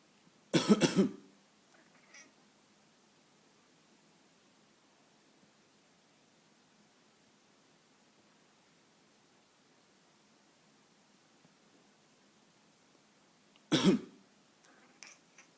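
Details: Person coughing near a pet cat that dislikes coughing: two short, harsh ordinary coughing bursts with a quiet gap between them.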